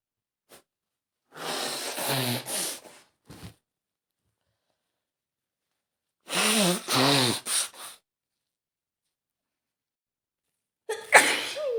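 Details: Woman with a cold sneezing: two sneezes with voiced build-up, a short snort between them and another sharp sneeze burst at the end.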